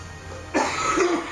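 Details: After a moment of quiet room hum, one abrupt, partly voiced adult cough shading into throat clearing.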